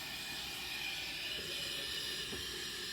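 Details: Continuous loud hiss of oxygen flowing through a CPAP mask at about 12 litres per minute, in a demonstration of CPAP for congestive heart failure exacerbation or flash pulmonary edema.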